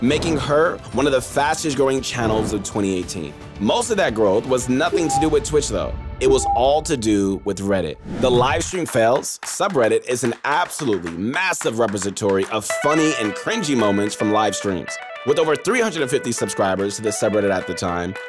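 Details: Adult male narrator; normal fluent speech.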